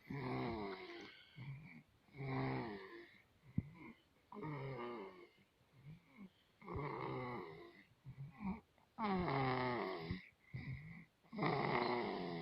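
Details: Snoring in a sleeping baby: loud, regular snoring with noisy rattling breaths about 26 times a minute in a quiet room.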